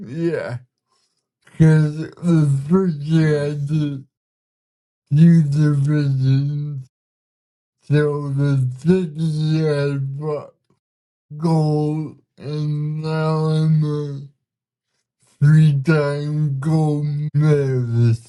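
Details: Man with cerebral palsy, speaking in a real conversation; dysarthria (cerebral palsy).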